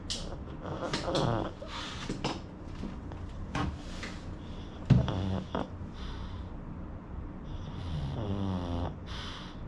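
Rattling, snorting breaths in and out with fluttery throat vibration during sleep; loud snoring from a flat-faced dog.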